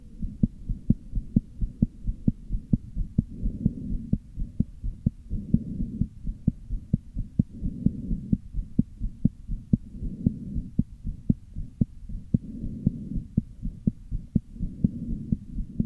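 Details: Sharp, quick heart thumps with uneven spacing over a low whooshing rumble; very evident heart murmur with arrhythmia.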